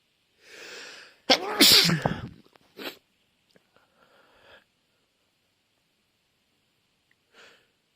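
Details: Sneezing fit: noisy inhale, then a loud voiced sneeze and a shorter second one, followed by sniffs.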